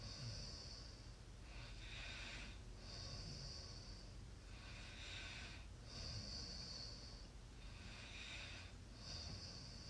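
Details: Mild snoring during sleep: soft, regular noisy breathing with snorting airflow, about 19 breaths a minute, over a steady background hiss.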